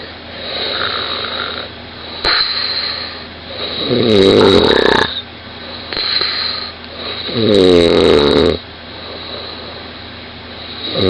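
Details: A 20-year-old woman snoring very loudly in bed, recorded by her partner lying next to her: two loud, rattling inspiratory snores about four seconds apart with quiet breathing between.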